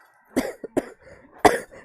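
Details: Young woman with a cold who says she is coughing a lot: three short, harsh coughs in quick succession.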